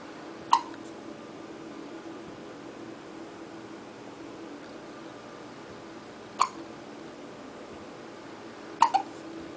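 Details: Hiccuping: three sharp, brief hiccups spread unevenly over about ten seconds against steady room hum.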